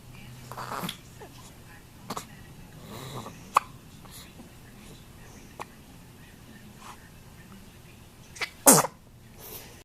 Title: The sneeze